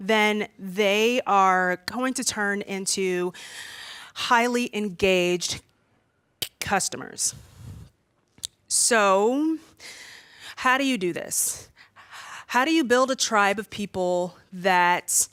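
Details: Stuttering in an adult woman who says she stutters far more when nervous, as when presenting in front of a room full of people.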